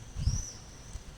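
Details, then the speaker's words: Single short low grunt from a street cat whose belly feels hard, like a lump; caretakers say he grunts as if snoring or breathing heavily, has little appetite, and wonder if he is in pain. "Нет, и крыхтит. Что это с ним такое? Може вам слышно? Он такие звуки издаёт."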